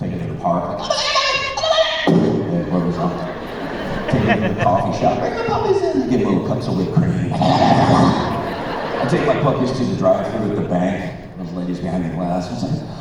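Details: Man who made Christian rock records in the 1990s, with incurable spasmodic dysphonia that began at the height of his career and progressively worsened until his voice was gone; vocal coaches and doctors did not help; disorder audible in his current voice: spasmodic dysphonia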